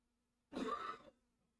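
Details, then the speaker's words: Adult in the background with a loud cough from a cough-and-cold illness: a single short, harsh cough or throat-clearing burst over faint room hum. "sorry if you can hear the coughing Mr loves games has got some sort of weird cough cold thing going on which is incredibly loud"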